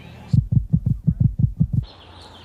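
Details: Resting heartbeat.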